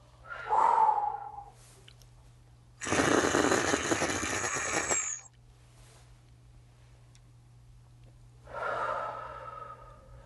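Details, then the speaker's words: Handihaler dry powder inhaler, inhalation by an adult female patient (COPD education): breaths around a long rattling buzz as the capsule vibrates and rolls inside during deep inhalation, showing the dose is being drawn. "the capsule just vibrating and rolling around a little bit as you inhale, can't you."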